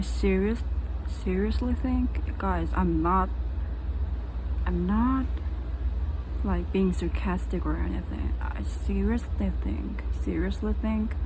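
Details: Stuttering in an adult woman who says she is still dealing with it and is looking for ways to overcome it.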